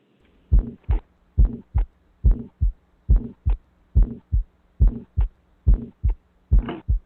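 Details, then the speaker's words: Pediatric cardiology teaching example: regular heartbeat near 70 a minute with a soft, musical, less harsh murmur between beats, a benign Still's murmur; audio quality noted as limited. "this rumor i'm not sure if you can hear based off the audio quality but it has more of a kind of softer sound to it not as harsh a little bit more musical [Music] so this is more of a uh a benign murmur"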